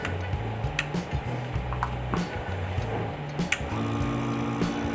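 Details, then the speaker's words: SESE 0116 compressor nebulizer at final testing after repair (it had stopped working): a steady buzzing motor hum with rhythmic pulsing and clicks, now running strongly and normally. "Okay naandar na siya lakas na yung hang do sa ano nebulizer niya"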